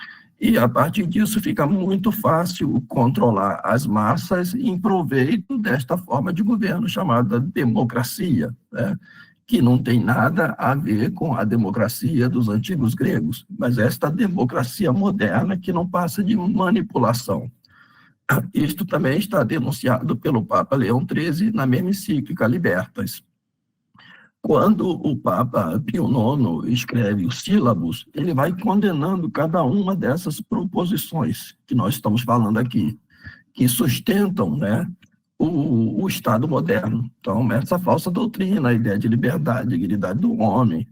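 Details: Adult man with spasmodic dysphonia treated with toxin injections; he says his voice is worse than last time as the toxin wears off after 3 to 4 months, next application due early July; spasmodic dysphonia.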